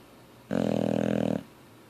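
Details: Sleeping Boxer dog: one rough, fluttering snore lasting about a second, buzz carried by rapid vibration of loose lips and jowls; snoring.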